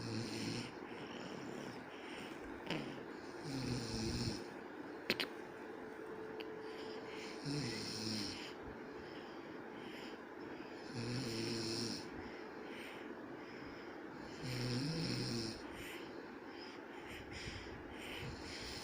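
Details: A father snoring while a baby sleeps: slow, rough, partly wheezy snores about every three to four seconds in a quiet room.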